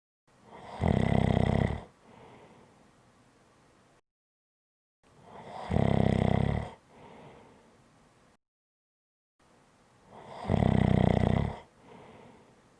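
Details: Ordinary loud snoring: deep, rattling snores on each inhale followed by a soft exhale, about every 4.5 seconds (13 breaths a minute).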